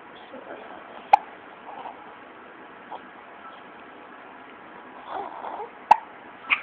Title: Baby gets the hiccups